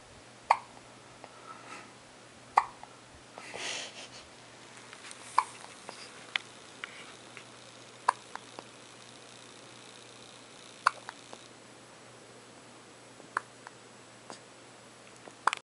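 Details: Just woken in the morning and looking grumpy, with hiccups: short, sharp clicks recur every couple of seconds over a steady hum, about 7 in 15 seconds; hiccups.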